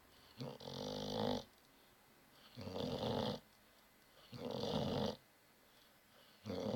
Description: Brewster snoring